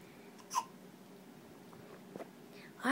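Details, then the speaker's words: Young boy with hiccups after eating chocolate ice cream: soft, abrupt catch sounds, about three in three seconds, in a quiet room. "look at mama look at the hicups from chocolate ice cream"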